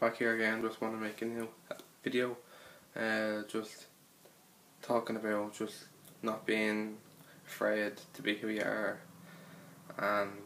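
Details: Stuttering (stammer) in a man talking about his own stutter; real, not acted.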